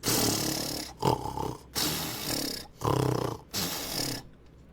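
Loud, rough, rumbling snores in repeated bursts from a cartoon elephant, a comic sound effect of snoring.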